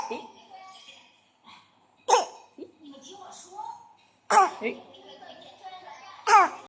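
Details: A child pretending to cough: three short, forced coughs between bits of babble; deliberately faked cough.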